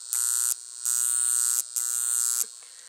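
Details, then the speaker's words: Loud high-pitched electrical buzzing in three bursts with short gaps as a portable argon high-frequency facial wand with glass electrode is plugged in, switched on and run on high; high-frequency facial wand operating. "you're going to plug it into the regular outlet and i don't know if you're going to be able to hear this or not but you're going to see you see how it come on"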